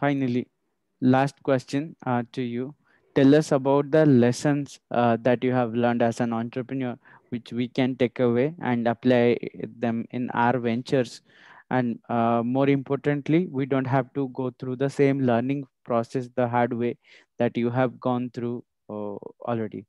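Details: Adult male speaker; normal fluent speech.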